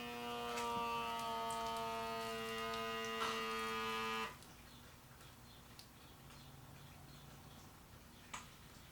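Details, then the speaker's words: Wrist blood pressure monitor worn with arm bent resting on a table at heart height: steady motor buzz about four seconds of quick inflation, then long slow quiet deflation; reading 125/71, pulse 61. "Well, that did take a while. It inflated very quickly. The deflation took a long time."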